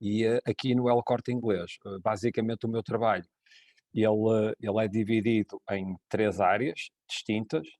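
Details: Adult man speaking European Portuguese; Normal conversational speech.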